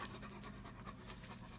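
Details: Older German Shepherd with rear leg weakness, just after a chiropractic adjustment while standing and stretching: soft, rapid, rhythmic open-mouth breaths; ordinary dog panting.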